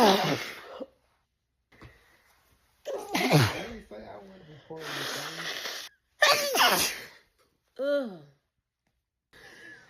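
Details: Black woman's sneezing fit, tagged allergic rhinitis, edited loop: several forceful sneezes in quick succession with sharp inhalations and a brief high squeak; sneezing.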